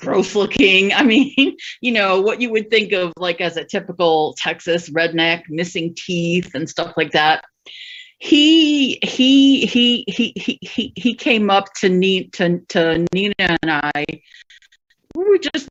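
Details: Adult female stand-up comedian who stutters, performing live; repetitions audible; stuttering.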